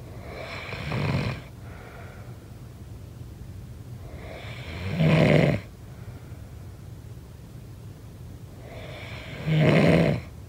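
Three loud, coarse snores at a steady pace of about 13 a minute, quiet between; snoring.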